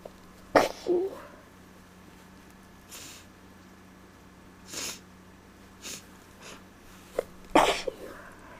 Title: Tickly Sneezes